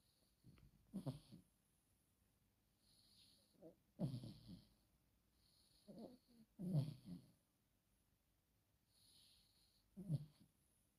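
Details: Sleeping Chihuahua gives quiet rhythmic snoring, about six soft snorting breaths, with faint room noise.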